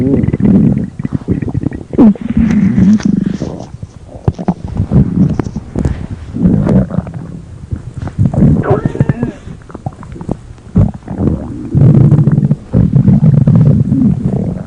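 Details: Stomach growling (borborygmi): long, loud, gurgling and groaning rumbles rising and falling in waves.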